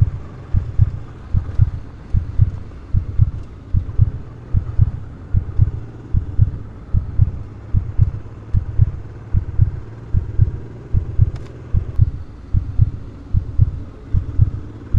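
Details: Steady, regular low heart thumps at about 75 beats a minute over a faint low hum; a normal-sounding heartbeat.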